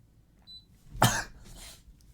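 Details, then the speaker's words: Single sharp explosive sneeze after a brief intake of breath, then a breathy exhale, from a man sneezing repeatedly and suddenly while streaming; allergy mentioned. "My god. Why am I sneezing all of a sudden?"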